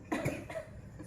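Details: Two quick, harsh coughs in close succession then a soft trailing sound in a quiet room, from a patient with fever and cough at an alternative therapy session; cough.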